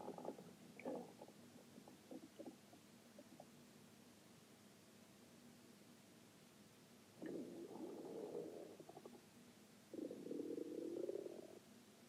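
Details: Low gurgling rumbles from the abdomen, a few brief bubbling bursts, then two longer sustained growls; ordinary stomach growling (borborygmi).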